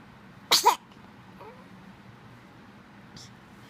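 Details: Three-week-old baby gives a single quick, soft sneeze, followed by quiet room noise.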